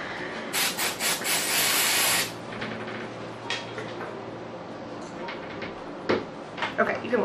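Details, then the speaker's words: Vapocoolant spray before opening and draining an oozing ganglion cyst: loud hissing spray for about two seconds, then quiet room noise and rustling as the cold spray numbs the skin before needle puncture. "Spray it real good, scissor. I will."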